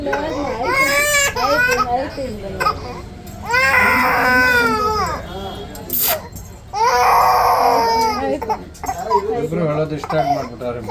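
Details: Baby held still during ear piercing: loud, strained crying in repeated bursts with gasping pauses, with adult voices in the room; an infant pain cry.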